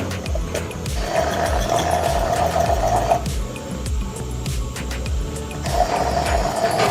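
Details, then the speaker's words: Loud grinding, whirring power reamer with rough scraping, sequentially sized reamers reshaping the arthritic hip socket during direct anterior total hip replacement, with background music. "Using a reaming device, we carefully reshape the hip socket. We sequentially size up these bone graders until we have cleared away the arthritic bone and cartilage."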